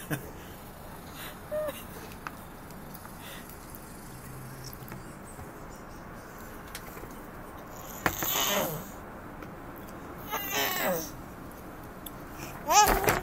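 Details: Father sneezing while his toddler daughter shares food: two or three sharp, noisy adult sneezes near the end, with the toddler's small sounds in a quiet room.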